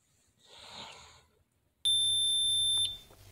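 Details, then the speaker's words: Staged children's sick-day skit: soft rustle then single steady high-pitched beep lasting about a second as a digital thermometer finishes its reading. "it's beeping already okay good I think he says 98.5 I think you'll get better soon"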